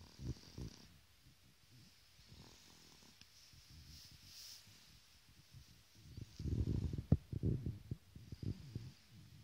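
Soft, irregular low snorting noises on the breaths of a sleeping infant, with quiet gaps between them; infant snoring.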